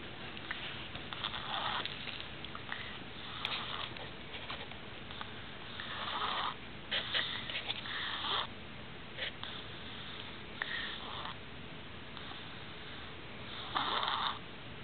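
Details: Young girl crashed asleep on the couch after a full day of play, soft noisy nasal snoring breaths every few seconds in a quiet room.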